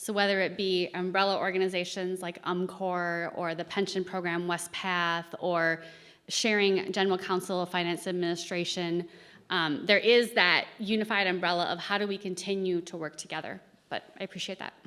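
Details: Adult woman speaking; normal speech.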